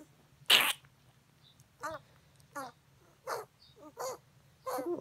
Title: What do you think is wrong? My Shih Tzu puppy is having a cough day. So cute little baby shih tzu